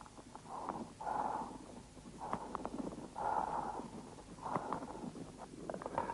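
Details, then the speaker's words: Bronchial breathing over an inflamed, consolidated lung lobe: harsh, hollow breath sounds with loud expiration. "при воспалительном уплотнение доли легкого выслушивается бронхиальное дыхание"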